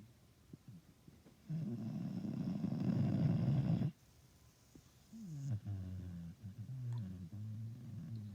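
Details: Istrian Hound rescue dog (adopted at 7 months) snoring during sleep: one deep, rumbling snore, then soft whiny, grunting sleep noises.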